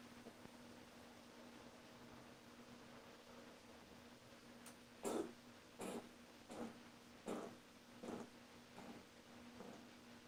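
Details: A cat, after a few quiet seconds with a low room hum, gives a run of about seven short, hacking coughs that fade toward the end: cough.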